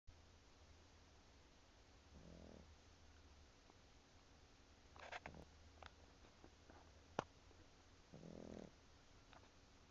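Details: Sleeping pug snoring.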